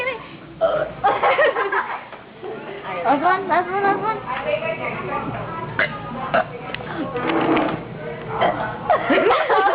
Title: burping lol